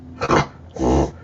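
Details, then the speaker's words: Two harsh, rasping bursts from a dog close behind the microphone during a podcast, part of a coughing fit with wheezing. "He's literally right behind me, he's having a coughing fit."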